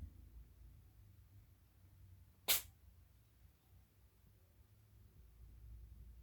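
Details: Cat sneezing: a single sharp, brief burst of air in a quiet room; a sneeze.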